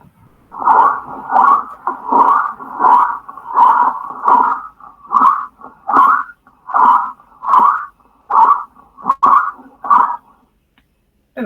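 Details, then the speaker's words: Stridor in a newborn: a loud, harsh, high-pitched noise with every breath, about 78 a minute, from upper-airway (laryngeal) obstruction and turbulence, indicating marked airway compromise. "Entonces el estridor que tiene que ver con la obstrucción y la eh En este caso la turbulencia que va a producir ese ese sonido"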